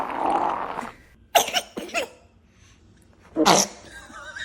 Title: Baby sneeze